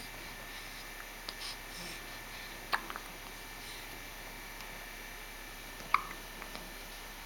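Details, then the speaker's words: Someone with hiccups: two faint, sharp hiccup clicks about three seconds apart in a quiet room. "See? These hiccups are no fun."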